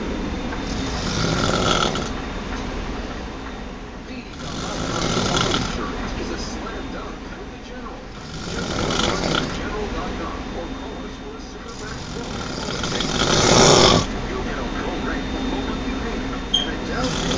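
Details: Loud snoring during sleep: rattling snores repeating about every four seconds, roughly 15 a minute, over steady room noise.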